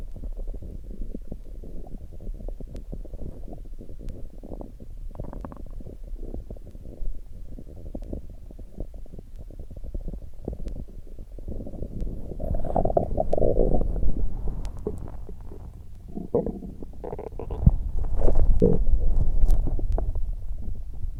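Continuous low gurgling and rumbling with louder bubbling surges; ordinary stomach growling from gas and fluid moving through the gut.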